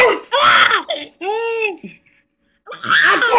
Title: Big Brother Sneezing, Baby Brother Laughing